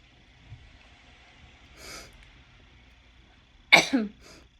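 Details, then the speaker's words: A single sharp, explosive cough that sounds much like a sneeze, with a short voiced tail; the speaker says her cough habitually sounds like a sneeze. "that was a cough, by the way. It wasn't a sneeze. My second oldest sister coughs and it sounds like a sneeze."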